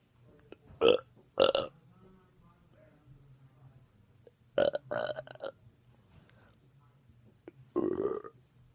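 Several loud, voiced burps in short runs, with a low hum in the room.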